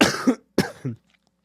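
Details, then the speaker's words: Two short, harsh coughs with brief voiced tails from an adult who has had a cold for two weeks, with a blocked nose and no fever, in a quiet room. "you just heard me cough I hope he cuts the coughing"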